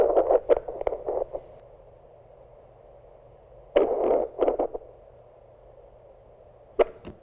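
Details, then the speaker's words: Doppler probe over the radial artery below a properly applied Rapid Tourniquet gives only scraping and handling noise, no arterial whoosh; arm pale; absent Doppler arterial signal, blood flow occluded. "we don't have anything coming up on doppler so that tells me this has cut off arterial blood flow so this tourniquet gets a go"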